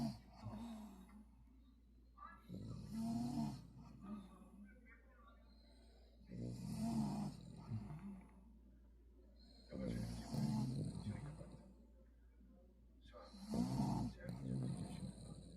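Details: Four rough, rattling snores about every 3.5 seconds, with quiet gaps between them; snoring, possibly with apnea, in a sleeping dog.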